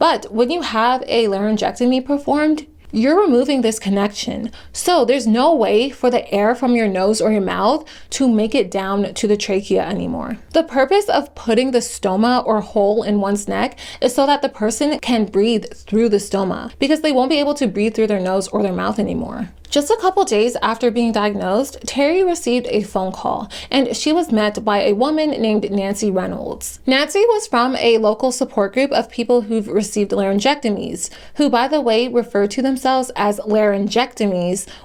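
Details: Adult female narrator; normal speech.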